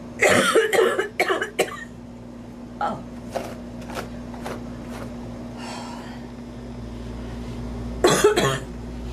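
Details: Mature woman coughing while doing her makeup, which she blames on allergy: clustered dry coughs and throat clearing, then a fainter series and a final pair of coughs, over steady room hum.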